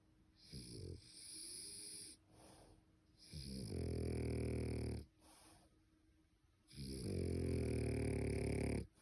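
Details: Loud, buzzing snores with strong throaty vibration, each breath about one to two seconds, over steady background hum, from a sleeping male French bulldog; heavy snoring.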